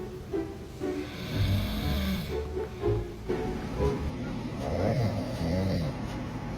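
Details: Daddy snoring while asleep, and the baby doesn't like it: repeated low, rumbling snores from a sleeping adult over background music; ordinary snoring.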